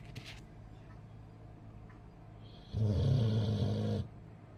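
A quiet stretch, then one loud, deep, rumbling snore lasting about a second and a half from a sleeping bulldog.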